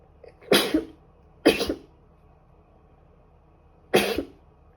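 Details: Female sneezing: three short, sharp, explosive bursts, each with a quick intake before it, a run of sneezes that could pass for coughs.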